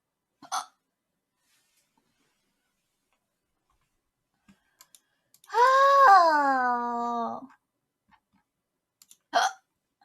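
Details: A young Korean woman streaming on Twitch: two sharp, abrupt hiccups about nine seconds apart with a brief vocalization between, ordinary hiccups.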